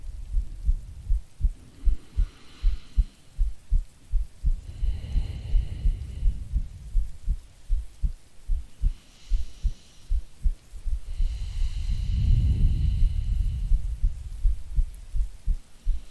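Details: Soft steady low heartbeat thumps, about 80 a minute, with slow breathing, from an ASMR creator playing a sleepy girlfriend, recorded as a sleep aid with rain and distant thunder; normal heartbeat.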